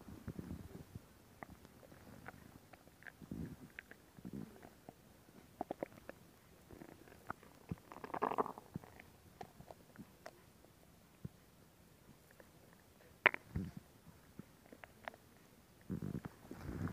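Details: Stomach growling: soft, irregular gurgles and rumbles with scattered clicks; ordinary bowel sounds (borborygmi).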